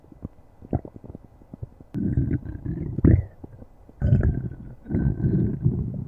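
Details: Low, rumbling gurgles in three long bursts with a faint higher squeak, between soft scattered clicks; ordinary stomach growling (borborygmi).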